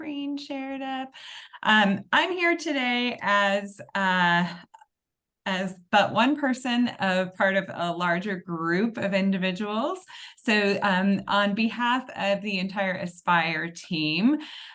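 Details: Adult woman; normal speech.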